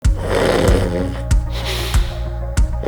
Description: Is your snoring more than just snoring? It could be sleep apnea.